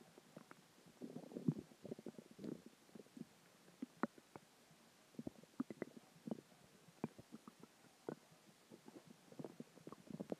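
Irregular gurgles, squeaks and rumbles from the belly over a quiet background: ordinary stomach growling from gas and fluid moving through the gut.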